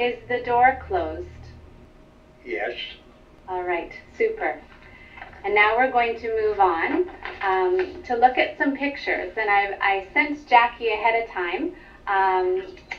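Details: Adult woman, clinician; normal speech.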